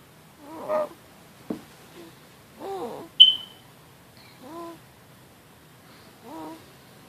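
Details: A 4½-month-old infant with noisy breathing for about two weeks that is getting louder, with mild retractions and no signs of distress: short, high-pitched squeaks on each inhalation about every two seconds, suspected inspiratory stridor.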